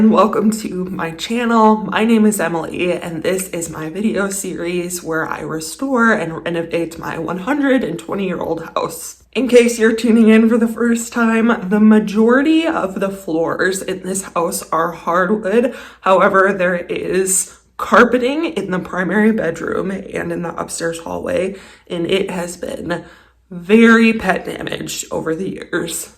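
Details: Vocal tremor in an adult woman who describes a lifelong vocal disorder that is a medical condition, not caused by nervousness, emotion or illness.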